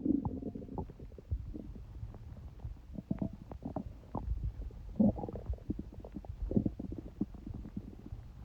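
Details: Stomach noises recorded while having a cold: low gurgling and bubbling rumbles with irregular clicks throughout; bowel sounds, ordinary stomach rumbling.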